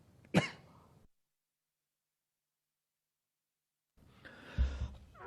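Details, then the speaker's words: An adult man speaking at a press briefing gives a single sharp cough and then two or three low, rough throat-clearing bursts, which he blames on an almond eaten just before speaking. "porque esto el problema es que me he comido una almendra justo antes y me he comido en almendra junto justo antes de empezar a hablar"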